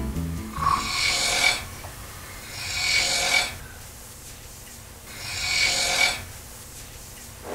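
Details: Adult man snoring at night in a Tokyo hotel room, from a Korean TV travel show: three loud, rasping snores about two seconds apart, roughly 25 a minute, faint music beneath.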